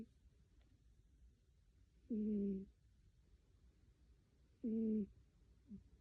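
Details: A sleeping cat makes short, buzzing, slightly tonal snores about every two and a half seconds (roughly 24 breaths a minute) in a quiet room; cat snoring.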